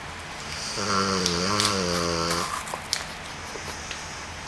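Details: Dog snoring: a single long, rough, buzzing breath of about two seconds with a fluttering tone, then quiet room noise.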